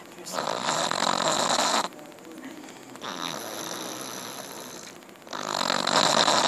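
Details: Person snoring in a library: harsh, rasping snores on long breaths, roughly two within a few seconds, with background room noise.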